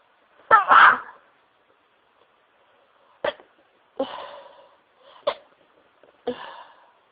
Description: This is the fit that happened after doing some dusting. Wav includes some loud sneezes, some stifles, muffled sneezing into tissues and nose blowing near the end.